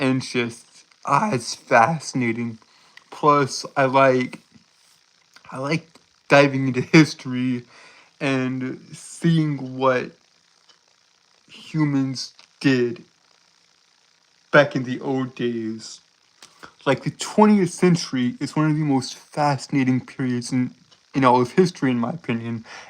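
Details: Stuttering in a male who reports a speech impediment that causes him to stutter and trip over his words.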